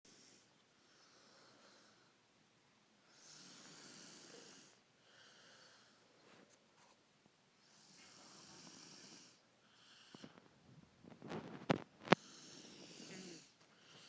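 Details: Profuse snoring during sleep: soft, uneven, breathy snores with occasional snorts and clicks, recurring every few seconds in a quiet room.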